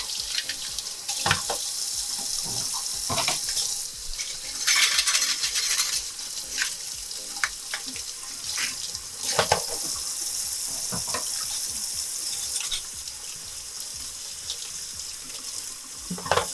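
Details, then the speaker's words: Dental instruments are taken out of the ultrasonic cleaner after 5 minutes and rinsed under running tap water; water flow with clinks and rattles of small metal instruments. "you're just going to take them out you're going to run them all through"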